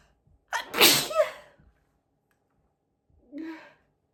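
A loud, high-pitched 'apchhee' sneeze with a sharp inward breath before it, followed by a softer voiced sound.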